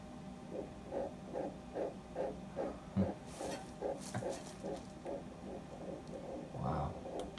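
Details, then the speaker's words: Early pregnancy ultrasound of a first pregnancy, with the yolk sac still visible: a rapid, steady, whooshing fetal heartbeat at 144 beats a minute, nice and fast and regular. Normal fetal heartbeat. "what you want it is nice and fast, nice and regular."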